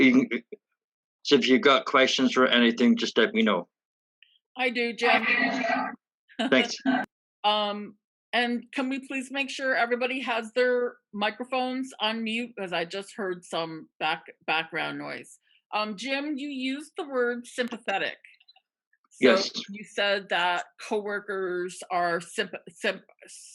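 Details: Real stuttering in a woman who stutters, speaking with sound and part-word repetitions; finding: stuttering.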